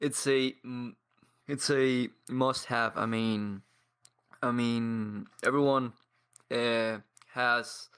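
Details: 22-year-old man from Paraguay who has stuttered for as long as he can remember and trains daily with a community of stutterers; pauses and blocks; stuttering.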